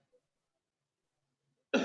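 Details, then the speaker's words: Sample of a single voluntary forced cough from a COVID-19 cough-detection study, COVID status undisclosed: near silence, then one short, sharp cough cut off at the end. "Before that, I'm going to show you samples of a cough recording and going to kind of, want to ask you which one is which one is the positive COVID and which one is negative COVID."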